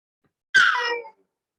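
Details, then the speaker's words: Single short, very high-pitched shrill wailing cry from an infant who got stuck in the first stage of birth and needed an emergency cesarean, heard in a therapy session after about 15 minutes of crying; a typical birth-trauma memory cry. "And the type of crying you will hear, it's very high-pitched crying. It's a very typical type of memory cry."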